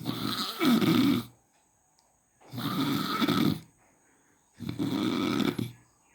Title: Snoring in day light